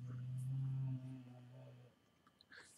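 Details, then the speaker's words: A dog snoring faintly in the room, then the snoring stops. "you hear my dog snore he stopped maybe you can hear it when you play the video yeah"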